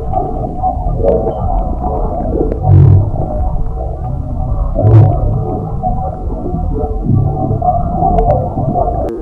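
Low gurgling rumbles swelling three times over a steady hum; ordinary stomach rumbling from gas and fluid moving through the gut.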